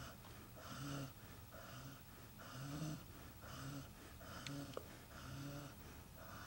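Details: Dog named Red sleeping and snoring loudly in a steady rhythm, a low fluttering, snorting rumble on each breath in a quiet room; snoring loud enough to wake everyone up.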